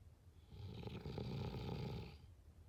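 A single rough, low rattling snore on an inward breath during sleep.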